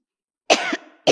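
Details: Woman coughing during an impassioned shouted political speech that left her voice hoarse: a single sharp, harsh cough with a voiced tail, followed by the start of another.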